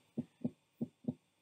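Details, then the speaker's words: Normal auscultation in a pediatric patient: crisp lub-dub heart sounds at about 95 beats a minute, the first sound from atrioventricular valve closure and the second from semilunar valve closure; normal heart sounds. "s válvulas auriculoventricular es y el segundo ruido del cierre de las válvulas sin movidas aquí tenemos una ocultación normal"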